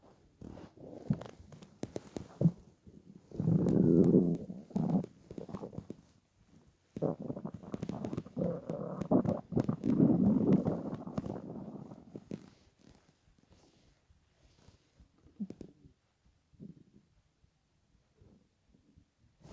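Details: Hunger stomach growling after about 28–30 hours of fasting for weight loss, lying on a bed: loud, gurgling, rumbling growls in long rolling bursts with quieter bubbling between them.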